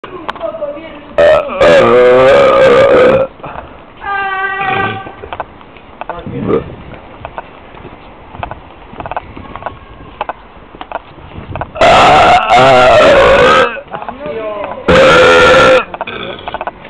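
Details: Several loud, long, drawn-out belches outdoors on the street with street noise between them; repeated burping.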